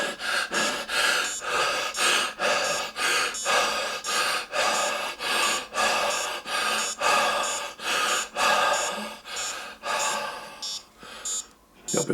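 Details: Rapid, deep, forceful breaths, over 100 a minute and slowing toward the end, done on purpose while wearing a fingertip pulse oximeter; oxygen saturation stayed about 94% and pulse rose to 98; voluntary hyperventilation.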